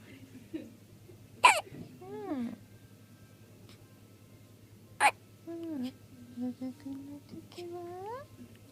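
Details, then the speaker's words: Sleepy baby still hiccuping around milk feeding: two abrupt, sharp hiccups a few seconds apart, each followed by soft baby vocal sounds, over low room hum. "まだひゃっこりしてる。"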